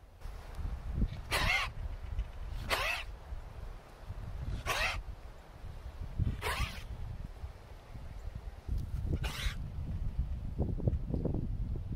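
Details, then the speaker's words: Recurrent cough in recently bought ewes, worse on hay than on grass: five short, harsh coughs spaced a few seconds apart over steady outdoor wind rumble; the ram seems to show the same symptoms. "what I've noticed is that they don't cough really when they're on grass um which is great I just moved them today I don't have a lot of grass right now so when they have hay they cough more"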